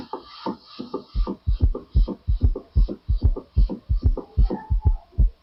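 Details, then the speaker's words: Regular low heart sounds in a three-beat gallop rhythm with an added early diastolic third heart sound (S3), 'kin-tuki'; S3 is physiological in children, young adults and pregnancy. "So, it is physiologically hurt when there is hyperdamic circulation. For example, in children, young adults and pregnancy states, okay, it is physiological."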